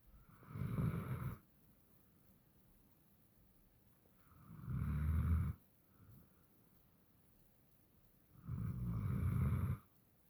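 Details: Sleeping dog snoring: three deep, rumbling snores at regular intervals, about 17 breaths a minute, with quiet pauses between.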